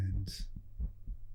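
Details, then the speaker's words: Adult's own heart heard through a stethoscope whose earpieces connect to a 3Dio binaural microphone, ASMR recording: soft, low heartbeat thumps with a brief hiss at start and end; clip too short to count a rate. "the earpieces of the stethoscope are connected to the ears of this 3DO so you will be listening to my heart the way a doctor would"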